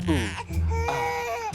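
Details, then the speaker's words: Baby attended by paramedics after a worrying allergic reaction; a good, strong infant cry with screaming. "It's okay. Oh, mate. That is awesome crying."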